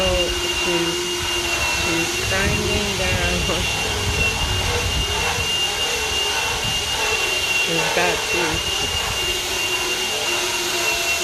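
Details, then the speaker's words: Horse at the vet, after a chiropractic adjustment and blood draw, having its teeth floated: a steady high-pitched motor whine with grinding as a power float files the horse's back teeth during routine dental floating. "and now they are currently working on his teeth called floating floating their teeth"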